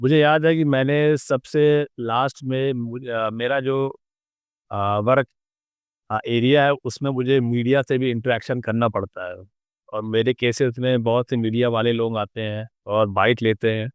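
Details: Adult male advocate who has stammered since age 3-4, worse on certain words; after a fluency course he reports 85-90% improvement but occasional stuttering remains; stuttering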